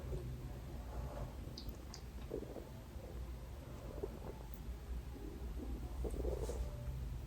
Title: salivation & stomach growling | best video ever